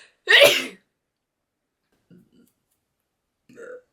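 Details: One loud, abrupt sneeze, followed by quiet, faint voice sounds; an ordinary sneeze from a 2022 outtakes reel.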